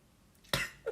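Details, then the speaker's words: Adult man reacting to a video, laughing so hard he starts coughing and keeps coughing afterwards: a single sharp cough burst, then a brief breath; an ordinary cough set off by laughter. "oh my god damn make me laugh so much i'm coughing like crazy"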